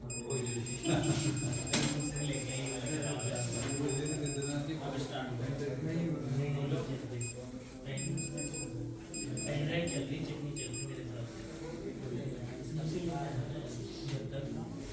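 High-pitched electronic alarm tones sound in repeated bursts over a low murmur of voices or music.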